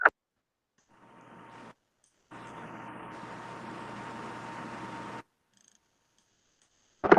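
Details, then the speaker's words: Auditory brainstem response (PEATE) click stimulus played in an audiology class: a rapid, buzzing train of clicks with a faint steady tone, stopping and starting. "Mas, prof, você disse que o paciente fica deitado para dormir. Eu não ia conseguir dormir com esse barulho."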